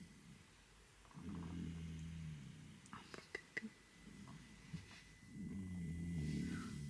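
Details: Napping young child, a boy, tired after a late bedtime: two low, rumbling snoring breaths separated by a quiet pause with faint clicks, snoring.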